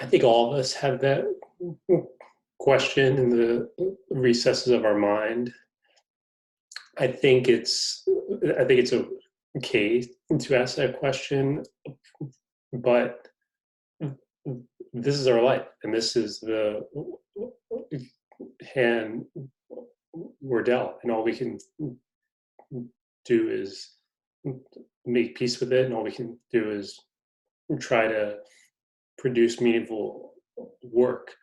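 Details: Adult man who stutters, described by the host as having a pretty good stutter going on; stuttering.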